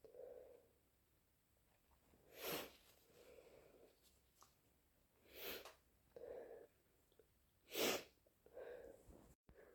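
Three loud, wet sneezes with sniffles between them, fitting sneezing from a head cold.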